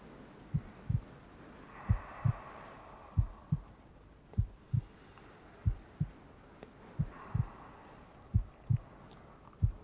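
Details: Steady paired low thumps, lub-dub, about 47 beats a minute, with soft rain-like hiss behind; a slow, regular heartbeat played as ASMR with rain ambience.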